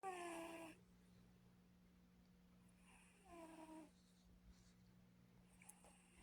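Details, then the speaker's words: Pet cat snoring softly while asleep. "Y'all, Kia is snoring. I don't know if you can hear her, but I hope you can."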